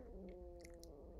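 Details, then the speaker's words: Loud stomach growling (borborygmi) from the speaker, picked up by the microphone during talking. "my stomach just growled really loud I'm sorry if that came through"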